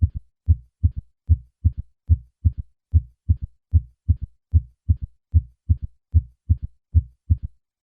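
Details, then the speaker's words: Third heart sound (S3): low-pitched early diastolic sound just after S2, heard at cardiac apex with stethoscope bell held lightly, patient in left lateral position; normal under 40, otherwise usually heart failure. "recap a third heart sound is a low pitched early diastolic sound heard best at the cardiac Apex using the bell of the stethoscope with the patient in the left lateral position"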